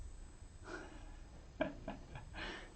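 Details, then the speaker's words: A pet dog lying asleep under an easel snores with soft, rough snorting breaths and a few noisy bursts in a quiet room. "one of our dear puppy dogs is laying right underneath my easel and he is snoring I hope you can hear that that is hysterical"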